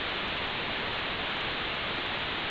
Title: How Audio Notching Treats Tinnitus